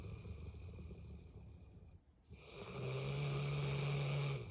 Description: 8yr old @kobebearbullmastiff loves to snore all day...everyday!